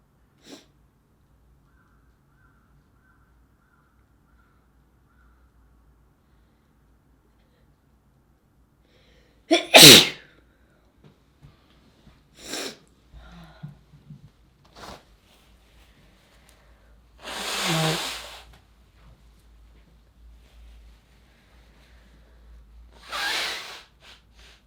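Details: Adult woman sneezing several times in a quiet room, with sharp explosive bursts and small sniffs between them.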